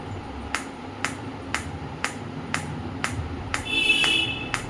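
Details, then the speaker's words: Sharp regular clicks about twice a second over soft hum, brief tone near the end, from a Biotronix PEMT loop pulsed electromagnetic field therapy device at 2 Hz after intensity raised to level 5, before frequency change. "So in each level you can hear the sound also that magnetic field has been increased. You can hear the song."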